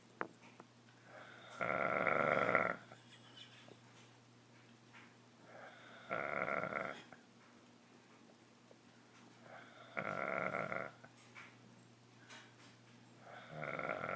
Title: Boy now snores like Chewbacca from Star Wars